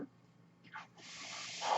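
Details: Real recording of a podcast host speaking while using his own mechanical ventilator; the ventilator's breathing noise is audible in the background during speech. Mechanical ventilator breath sounds.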